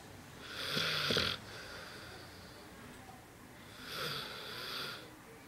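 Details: Large Bernese Mountain Dog asleep: two loud, hissing, rattly snores a few seconds apart; snoring.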